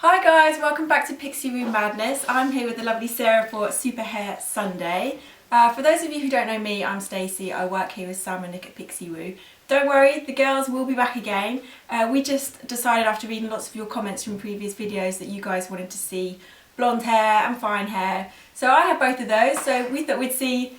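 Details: Adult woman speaking; normal voice.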